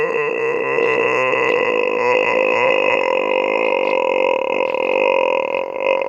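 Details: Person who says they cannot speak and has a voice problem, on an evening walk: one long, continuous, loud croaking burp lasting about six seconds.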